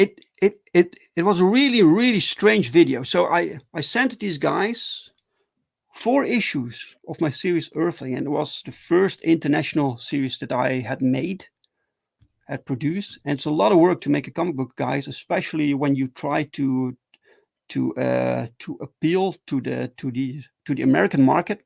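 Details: Adult male with stuttering, speaking live in a solo stream; stuttering.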